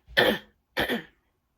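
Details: Two short, harsh coughs in a quiet room from an adult woman whose cold has taken a worse turn.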